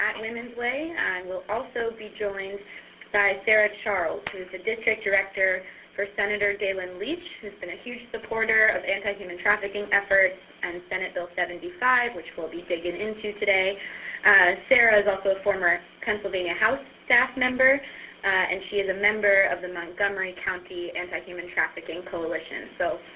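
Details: Adult woman speaking over a phone line; Normal speech.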